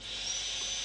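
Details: Steady high-pitched whine of a dental drill during tooth preparation for a porcelain-fused-to-metal (PFM) crown.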